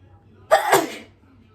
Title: How to sneeze nonstop! (Part 3)